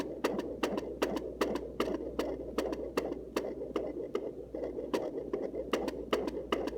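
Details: Fetal heartbeat at home on a Sonoline C fetal Doppler: rapid, regular whooshing pulses at about 150 beats a minute, a normal fetal heart rate.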